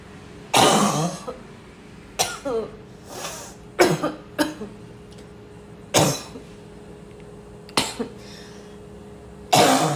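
About seven separate harsh coughs at uneven intervals with quiet room noise between; repeated coughing.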